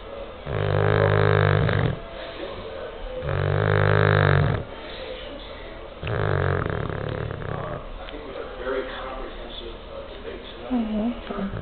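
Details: Bulldog, described as stressed out, snoring: loud, rattling, low-pitched snores with quieter breaths between, about three breaths, typical of a flat-faced dog.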